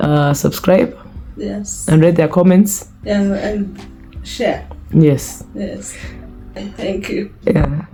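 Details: Young woman with a lifelong speech impediment present since birth, who began talking around age 9-10 and whose speech others could not understand, with drooling also reported; speech impediment.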